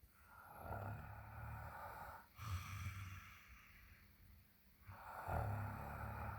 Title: Ugh! more snoring!